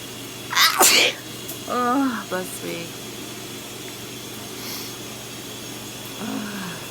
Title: Before shower sneezes